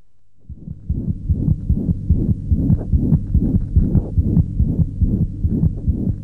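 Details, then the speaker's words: Child's heart on auscultation, fast regular rate about 140 per minute with a hollow whooshing systolic murmur filling each systole; systolic heart murmur. "you hear this hollow systolic murmur in addition to the duration of a murmur we also judge its loudness on a scale of one to six"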